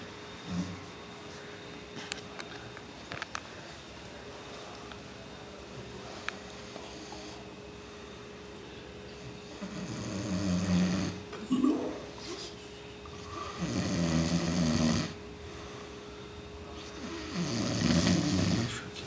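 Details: Person asleep and snoring after a tiring party: three rough, rumbling snores about every 3.5 seconds after a quiet stretch, over a steady background hum.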